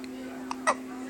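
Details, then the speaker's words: Baby with hiccups late at night, after 10 pm, past usual sleep time: a short, sharp hiccup over a steady background hum. "listen I know the hiccups are bad but they'll go in about 10 minutes or so they will they will I promise"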